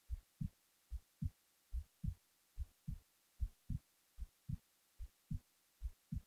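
Steady paired low thumps, about 73 beats a minute, regular rhythm; a normal resting heartbeat.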